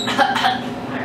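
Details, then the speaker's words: Adult patient, asked to cough during a head-to-toe nursing assessment of lungs and thorax, gives a brief, light voluntary cough with no wheeze or rattle; reports no respiratory issues. "i'll be checking the lungs and the thorax i'll be asking the patient if they can cough or if they have any respiratory respiratory issues okay um go ahead and try to cough for me"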